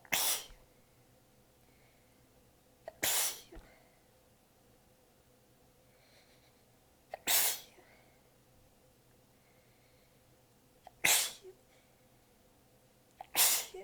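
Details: Prolonged sneezing fit; sneezer exhausted with sore abs, partly biting sneezes back: five sneezes in about fourteen seconds, each with a short breath in before it.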